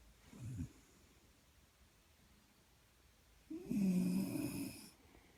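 A brief soft snort, then a longer low rattling snore on one breath in a quiet room.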